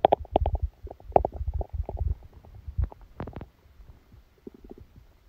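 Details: Bursts of gurgling and popping abdominal sounds: active bowel sounds during a stomachache after Christmas dinner, recorded while the person was sleeping.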